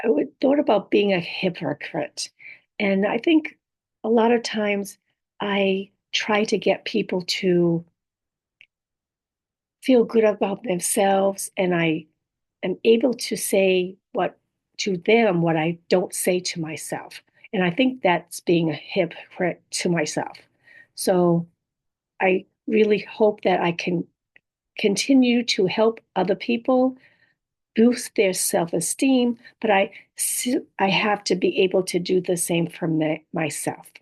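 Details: Adult woman with apraxia of speech, dysarthria and aphasia after a stroke; apraxia of speech with dysarthria and aphasia.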